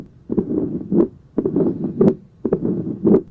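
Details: Tricuspid stenosis murmur: similar to mitral stenosis but best heard over the tricuspid area, with intensity changing with respiration.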